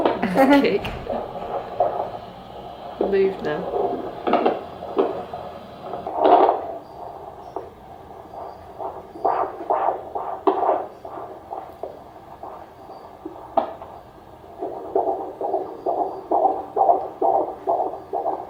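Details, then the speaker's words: Fetal heartbeat of a baby boy at 36 weeks 5 days of pregnancy on the midwife's Doppler: rapid, strong whooshing pulses with irregular bumps as he kicks. The midwife noted his back on the mother's left side. Normal fetal heartbeat. "but yeah I will win her a clip of listening to his heartbeat here very strong"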